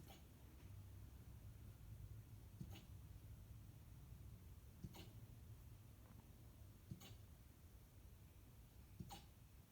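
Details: Approximately 11-week-old Siberian Husky puppy who gets hiccups every few days: faint, regular little hiccup jolts about every two seconds over steady background noise; puppy hiccups.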